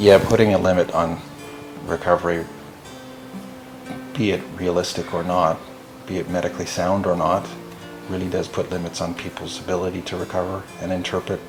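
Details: Adult male speaker; normal speech.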